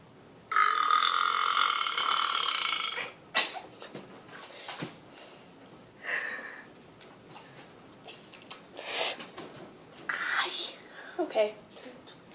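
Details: Burping contest: one long, loud, rumbling belch followed by shorter burps, with quiet background chatter.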